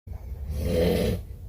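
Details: Cabin mate on a ship snoring at night: one loud, rough, rumbling snore on an in-breath, lasting about a second.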